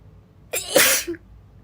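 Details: A single sharp, explosive sneeze from a girl, with a quick intake before it and a brief trailing sound.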